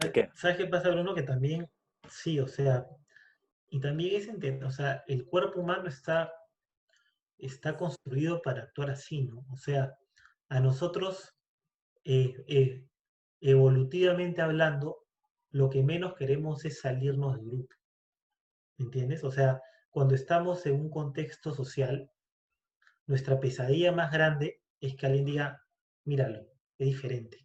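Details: Stuttering in an adult speaking Spanish in a conversation between two people who stutter.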